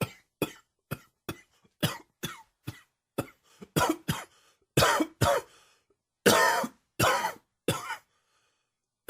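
A run of about fifteen dry coughs, short at first and then harsher and longer: an allergy-triggered coughing fit.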